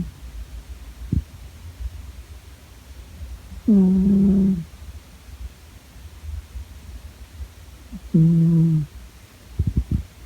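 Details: Sleeping in her bed snoring: two low, voiced snoring sounds roughly four to five seconds apart in a quiet room.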